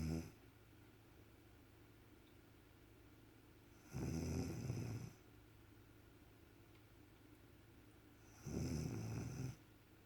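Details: Snoring from a sleeping mother beside her two-week-old baby: low rumbling snores about every four to five seconds, roughly 13 breaths a minute, over steady room hum.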